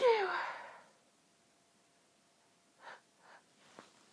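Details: Incredibly tickly nose: a loud sneeze burst, then quiet breathy catches building toward another sneeze; pinched, stifled sneezing.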